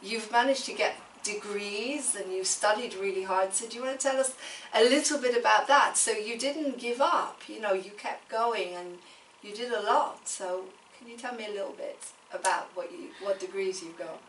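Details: Adult woman speaking; typical speech.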